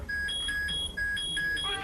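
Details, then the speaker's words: Repeating high electronic beeps in alternating pitches over room noise: alarm warning of low blood sugar in a young girl with a rare glucose-storage condition, fed by nasal tube, news report. "That's the sound of an alarm warning that her blood sugar is too low."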